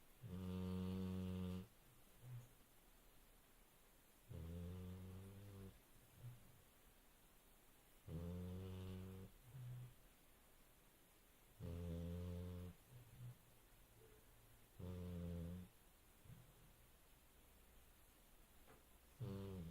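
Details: Dog asleep: loud, deep rumbling snores roughly every 3.5 seconds, about 17 a minute, with quiet pauses between; ordinary snoring.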